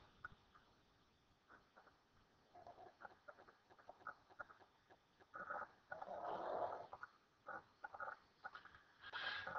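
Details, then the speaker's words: Sleeping dog snoring loudly in the background: irregular rasping, snuffling breath noises with quieter clicks in between and a few louder snorts, dog snoring. "I don't know if you can hear Holly's dog snoring in the background but it's super loud"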